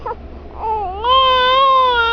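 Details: Crying spell of a 3-month-old baby girl: a brief whimper rising into a sustained, clear-toned wail.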